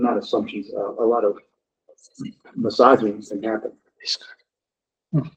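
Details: Adult male speaker; Normal voice.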